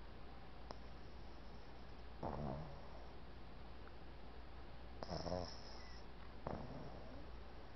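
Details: Boston Terrier puppy sleeping: three rough, buzzy snores over a steady low room hum, surprisingly loud for a puppy his size; ordinary sleep snoring.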